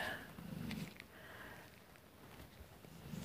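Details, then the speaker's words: A dog snoring very loudly while asleep, picked up by a microphone: repeated snoring breaths. "you can hear the dog snoring now I've got this microphone and I don't know this one snowy very loudly all right"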